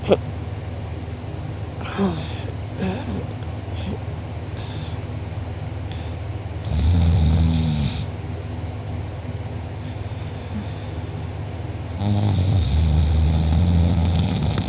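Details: Loud rattling snores on slow breaths, about two in fifteen seconds, quieter breathing between, recorded by a sibling during deep sleep; mouth open and drooling, uvula and soft palate sore afterward: heavy snoring.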